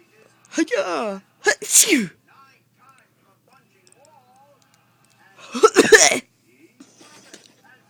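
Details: Sleeping boy who cracks up without waking: a few sharp, explosive bursts with voiced, squeaky edges, fitting playful sneezes or sneeze-like laughs, separated by quiet pauses; sneezing.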